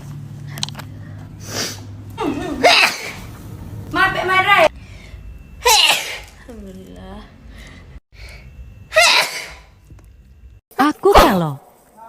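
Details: Compilation of girl sneezes: several separate sharp voiced bursts, each after a quick intake of breath, with quiet gaps between; sneezing.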